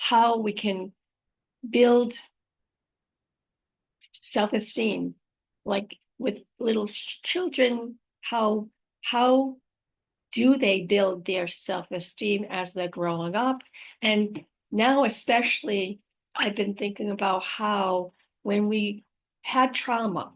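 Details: Female host living with aphasia after a stroke, also mentioning apraxia of speech and dysarthria; unedited recording keeping mistakes and pauses, made on a good day, in the morning before tiring; aphasia.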